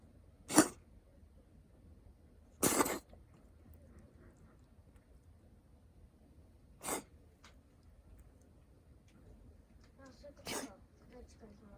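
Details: Pet cat that sometimes has coughing fits, in an unedited recording; owner wonders whether it could be an allergy to humans. Four short, sharp, explosive bursts spaced seconds apart in a quiet room; cat coughing.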